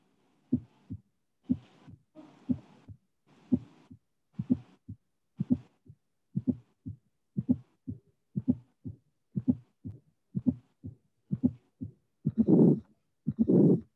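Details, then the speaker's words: Hypertrophic cardiomyopathy, heart about 60 a minute: first sound, second sound, and a fourth sound before the first, then a late systolic murmur from outflow obstruction, delayed because the obstruction does not occur immediately. "So let's listen again, this case with the first and second sound, fourth sound, and then the murmur of the obstruction."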